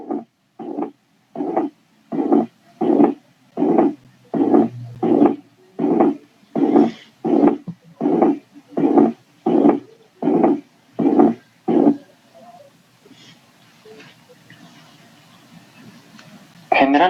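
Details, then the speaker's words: Pericarditis: harsh, scratchy, creaking pericardial friction rub at about 80 a minute for twelve seconds, then fading to quiet; short sounds each cycle, one in systole and one or two in diastole, mimicking a systolic-diastolic murmur. "Sonidos cortos por cada ciclo cardíaco. Un sonido durante la sístole y 1 o 2 sonidos durante la diástole. Parece un soplo sistodiastólico."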